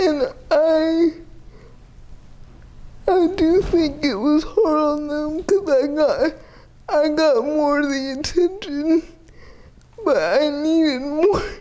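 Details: 30-year-old woman with GMFCS Level 4 (severe) cerebral palsy, quadriplegia with an athetoid component, using a power wheelchair; speech may be difficult to understand; dysarthria (cerebral palsy).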